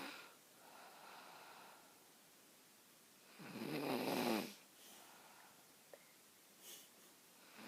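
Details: Sleeping friend at a sleepover: quiet breathing, then one loud, rattling, fluttering snore on the in-breath, followed by softer breathing in a quiet room. Snoring.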